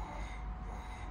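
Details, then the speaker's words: During flexible nasal endoscopy of the nasopharynx for a snoring and sleep apnea exam, the patient is asked to imitate snoring: a brief low, rough rumbling snore-like sound; voluntary snoring imitation. "geniz bakıyoruz horlar gibi yap bakalım"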